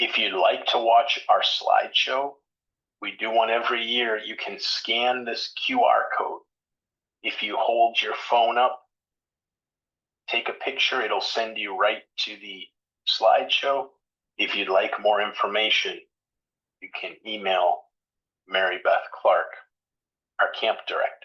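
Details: Adult male speaker; normal speech.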